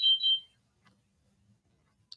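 Two short high-pitched electronic beeps, then quiet room sound: a blood sugar monitor alert.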